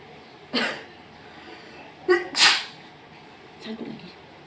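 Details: Sneezing induced by a COVID-19 nasal swab test: two sharp, explosive sneezes with a small catch breath between, then a softer sound.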